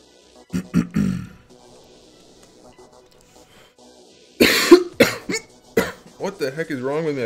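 Two clusters of short, sharp coughs from an adult, several in quick succession, with background music running underneath.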